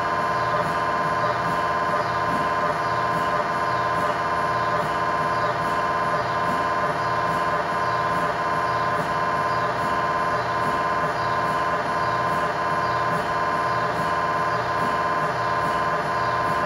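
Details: Test tibia/fibula (lower-leg) MRI scan in a controlled environment with a GE high-definition lower-extremity coil: loud, steady mechanical buzzing pulsing about 86 times a minute over a constant hum; normal MRI scanner noise.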